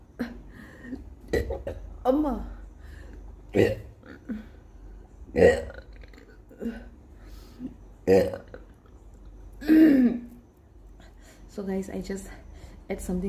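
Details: Person after eating very spicy kimchi burping as much as possible: about seven repeated loud, drawn-out belches with brief voiced sounds between them, with hiccups mentioned; voluntary burping.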